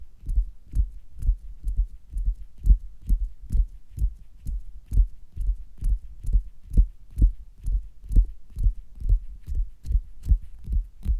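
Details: Regular low thumping beats, about 136 a minute, heard through a stethoscope placed on the belly during an abdominal tapping ASMR recording; a fast heartbeat.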